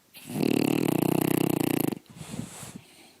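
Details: Dog snoring loudly while asleep in the middle of the day: one loud, rattling, buzzy snore of almost two seconds, then a softer snuffling breath.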